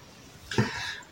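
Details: A single short, harsh cough from a young girl who is hoarse with a blocked nose and no fever, loud against a quiet room.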